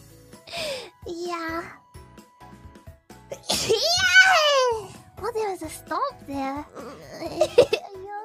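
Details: Mococo's sneezes during a livestream: a run of short, high-pitched voiced sneezes over background music, with a sharp breath before some; ordinary sneezing.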